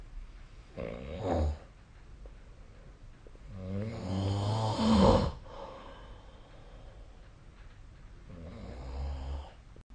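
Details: Low rattling snores on each in-breath with quieter pauses between, from a sleep recording made with the SnoreLab app; ordinary sleep snoring.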